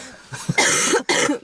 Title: Girl with chesty cough